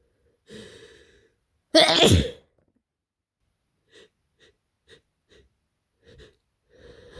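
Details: Adult kindergarten worker with a bad head cold (scratchy throat, headache, blocked nose): a drawn-in breath, then one loud, harsh sneeze, followed by faint sniffles and small mouth sounds; sneezing during a cold.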